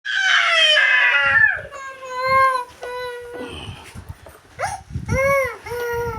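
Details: A young son cries in loud, high, wavering wails with sobbing catches between them, in a small room.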